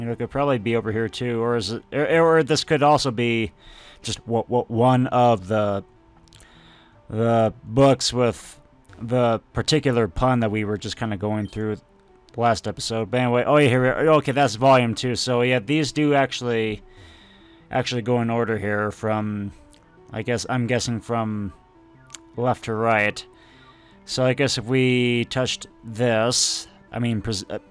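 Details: Stuttering in an adult man who says he tries to control his stutter while recording and only realized he had it a couple of years earlier.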